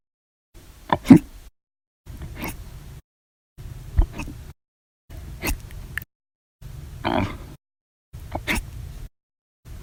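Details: Sharp, brief throat clicks with small gulps, about 21 a minute over faint low noise, audio only, from a bout of hiccups.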